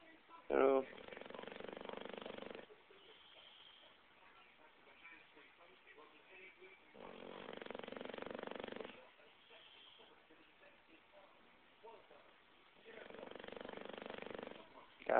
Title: Gossamer Bulldog Snoring-- out cold